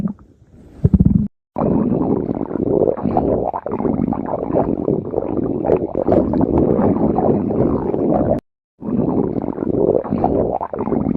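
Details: Stomach growling (borborygmi): loud, continuous low rumbling and gurgling with two brief cuts, a strong, prolonged growl.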